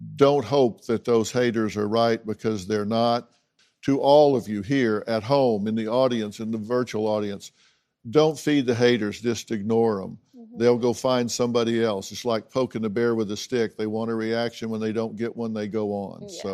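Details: Adult male speaker; Normal speech.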